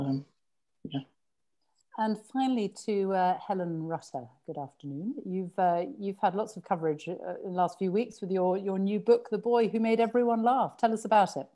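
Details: Adult woman speaking; fluent speech.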